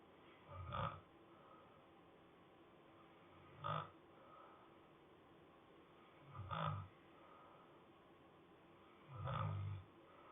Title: Snoring softly